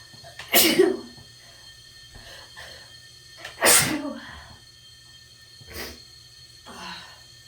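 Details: Two forceful sneezes a few seconds apart, followed by two softer ones; sneezing.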